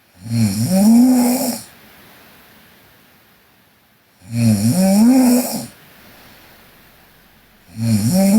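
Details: Sleeping Korean girl snoring: loud, drawn-out, droning snores about every four seconds, roughly 15 a minute, with quiet exhalations between.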